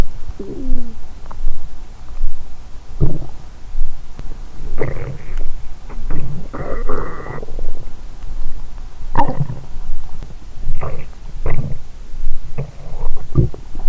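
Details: Abdomen of a woman (period due, bloated) after a 22-hour fast, Christmas dinner and wine that left her drunk: frequent gurgling, bubbling and squeaky rumbles with a steady low hum behind; normal active bowel sounds after a large meal.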